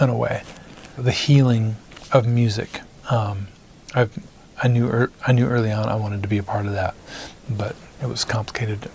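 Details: Stuttering in an adult male singer-songwriter; it began in first grade when his parents divorced and goes away when he sings.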